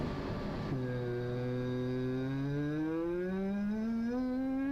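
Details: Normal phonation with a pitch glide, with the vocal folds stretching to lower or raise pitch, shown under stroboscopy in a voice disorders course.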